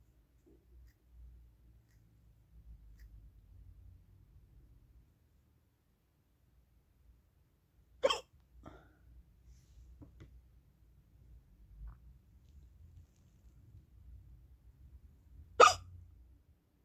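Two sharp, abrupt hiccup sounds about seven seconds apart over quiet breathing and faint room noise.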